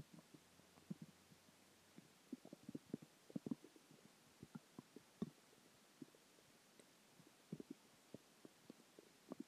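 Irregular soft gurgles and bubbling pops over a quiet background: ordinary stomach growling from gas and fluid moving through the gut.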